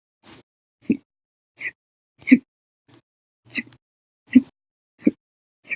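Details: Loud, violent hiccups in an episode lasting 10 hours 57 minutes, starting after breakfast, lunch and one cup of soda after dinner.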